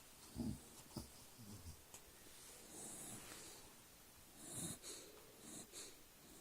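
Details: Soft snorts and snuffling breaths from a dog sleeping on his back: light snoring through the nose and throat.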